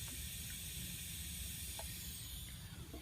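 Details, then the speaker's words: Steady airy hiss of bedside hospital wall suction after the regulator is switched on and turned up, heard during a nurse's setup demonstration; the hiss confirms the wall suction is working. "so if you don't hear any suction remember you have to turn the suction on it's a off switch and an on switch you want to turn it up and turn it"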